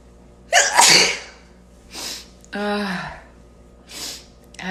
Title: Happy 4th sneezes !!